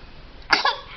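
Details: An infant gives a single sharp, breathy sneeze in a quiet room; sneeze.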